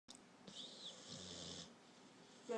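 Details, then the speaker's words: Female American Pit Bull dog asleep with tongue out, snoring loudly: one long rattling, hissing snore with a low rumble underneath. "Are you sleeping? Sleepy girl. You sleeping? You snore. You snore too loud."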